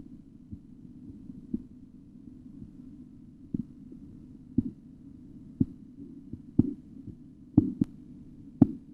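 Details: Faint, then clearer tapping beats about once a second over a steady low hum, heard during auscultatory blood pressure measurement: Korotkoff sounds.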